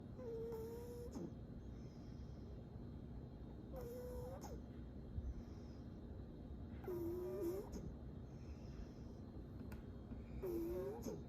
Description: A 22 year old female cat snoring while sleeping